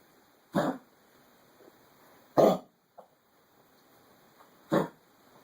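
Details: Three separate harsh, hacking coughs from a dog, a few seconds apart, in a quiet room: cough.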